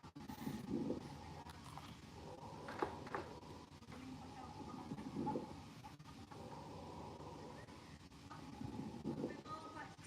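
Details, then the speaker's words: Coarse crackles, teaching audio: low-pitched, discontinuous bubbling and gurgling crackles through each breath, starting around early inspiration and extending into expiration, longer than fine crackles, from the large airways. "course crackles well you want to pay attention to their timing of course crackles tend to occur around the beginning of inspiration but they can extend into expiration and they tend to be longer than fine crackles"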